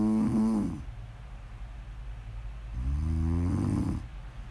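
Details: Snoring during sleep: loud, low, buzzing snores on each breath in, with quiet gaps between; snore ASMR audio.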